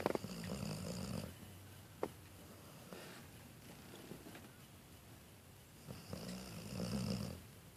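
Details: Snoring during sleep: two low, fluttering snores several seconds apart, with soft breathing and faint room noise between them.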